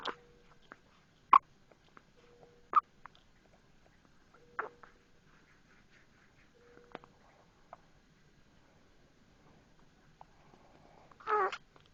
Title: 12/5/12 For Mom - Hiccups and Binkie